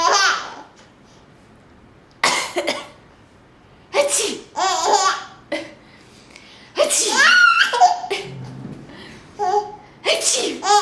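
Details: Adult doing deliberate, exaggerated fake sneezes for an infant: several imitated sneezes, each followed by the baby's bursts of laughter; harmless.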